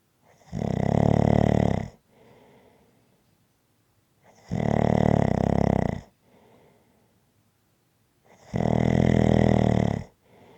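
Three loud, rattling snores on breathing in, each followed by a quiet breath out, about one cycle every four seconds; ordinary snoring.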